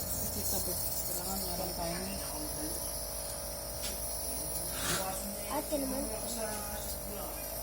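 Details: Nebulizer running with Ventolin, treatment demonstrated, breathing in through nose and out through mouth; steady buzzing hum with voices and music; nebulizer running.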